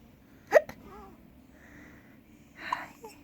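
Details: A 4-day-old newborn has morning hiccups: two sharp, abrupt hiccup sounds with soft baby noises between them.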